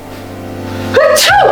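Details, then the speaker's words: Simulated single sneeze acted in a comedy sketch: a voiced 'ah' rising into a sharp, breathy 'choo' burst over low room hum, followed by mock disgust and a question about hay fever; sneezing. "Wow, that was disgusting. Do you per chance suffer from hay fever?"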